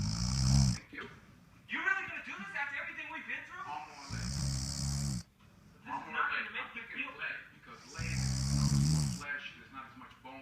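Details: A man caught snoring very loudly: three loud, low, rattling snores roughly every four seconds, with talk or music in the background; snoring.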